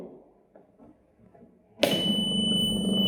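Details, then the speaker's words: Quiet room, then a click as a home oxygen concentrator with a bubbling humidifier is switched on, followed by a steady hum and a high tone as it runs. "you can hear a sound that is a machine working to consummate the oxygen you can see bubbles that is oxygen coming through the humidifier"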